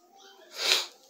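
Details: Adult woman, sick with a cold and runny nose: a single brief hissing sneeze burst after a short intake of breath; sneezing during illness.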